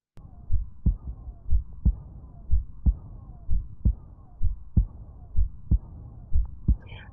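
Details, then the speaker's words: Paediatric teaching example: steady low heartbeat thumps with a soft, slightly musical murmur filling the pause between beats, noted as hard to hear in a child; diastolic murmur. "they usually require a a softer room where you can focus on this m and not a thrashing or uncomfortable child so they're going to be quite difficult for us to listen to but it's important for us to actually hear what they sound like so that we can recognize them"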